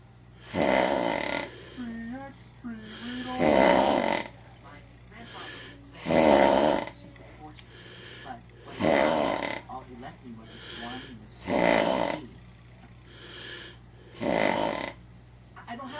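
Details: Loud, regular rattling snores, about 22 a minute, each followed by a softer breath, with faint talk in the background; described as a person with sleep apnea.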